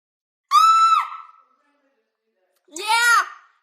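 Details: Two sudden, shrill, high-pitched squeals separated by silence: simple vocal tics in a young woman with an aggressive, rapidly progressive form of Tourette syndrome.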